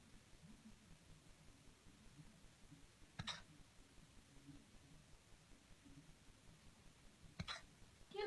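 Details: Gretchen, a cat, with hiccups: two abrupt, sharp hiccup sounds about four seconds apart in a quiet room.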